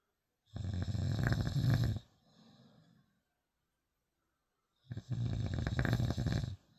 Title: Snoring...